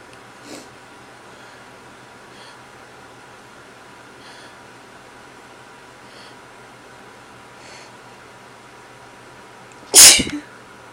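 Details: Just a few sneezes; here a quiet room, then one sharp, explosive sneeze near the end.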